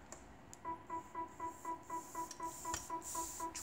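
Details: Ethicon GEN11 Harmonic ultrasonic surgical generator in a demonstration, with the handpiece activated: steady, rapid activation beeping at about four beeps a second, with faint clicks.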